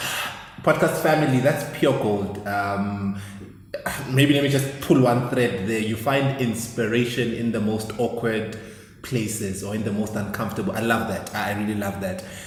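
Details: Adult male speaker; normal speech.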